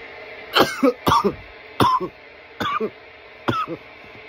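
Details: Five harsh, hacking coughs, each a sharp burst with a trailing rasp; a coughing fit after inhaling smoke from a bong.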